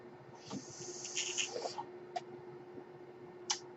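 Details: Mechanical ventilator noise heard in the background while the ventilated person speaks; mechanical ventilator sound.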